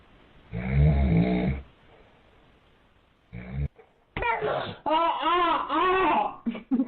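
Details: Adult man (a dad) snoring beside a baby trying to sleep: one long, loud, rumbling snore, then the baby's vocal sounds and babble.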